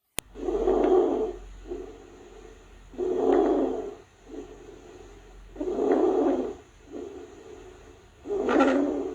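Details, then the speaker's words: Inspiratory stridor: loud harsh crowing on each inhalation, quieter exhalations, about 23 breaths a minute; signals laryngeal or tracheal obstruction, audible even without a stethoscope, mainly over the neck and upper chest. "Já o estidô é um sinal de alerta. Ele indica obstrução da larinja ou da traqueia. é predominantemente inspiratório e pode ser ouvido até sem estetoscópio, principalmente no pescoço e na parte superior do tórax."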